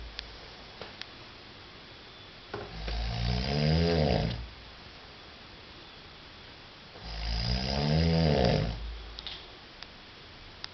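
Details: Two long, loud rattling inhaled snores about four seconds apart, roughly 14 a minute; habitual loud snoring in an adult man during sleep.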